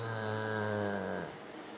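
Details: Rhodesian ridgeback snoring deeply on New Year's: a single drawn-out, humming breath noise that fades away; a sleeping dog's snore.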